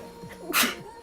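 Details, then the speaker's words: A single sharp sneeze from a Japanese woman over faint background music, one of an unstoppable repeated run of sneezes during a livestream. "待って止まんない。マジでくしゃみ止まんない。"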